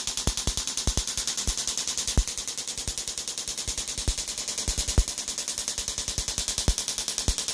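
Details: Shockwave therapy (EPAT) for Achilles tendonitis, the patient's second session: a rapid, steady stream of sharp tapping pulses with occasional louder cracks, with pressure raised to about 4 bar.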